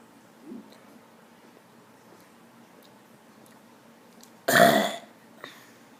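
Quiet room, then one loud, drawn-out burp lasting about half a second. Ordinary belch.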